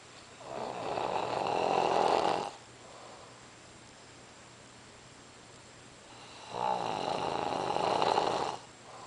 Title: da snore